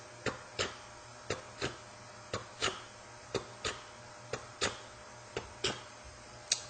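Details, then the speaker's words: Vocal imitation of atrial septal defect heart sounds, about 60 a minute, with fixed splitting of the second heart sound into two close clicks, for MRCP PACES exam teaching. "the other thing you might get is atpal defect where you get a fixed spitting of the second hat sound and you will get"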